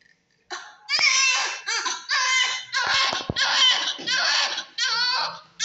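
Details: Newborn just after birth, where a baby not crying must be stimulated to cry: repeated high-pitched cry bursts with short catch breaths between them; newborn cry.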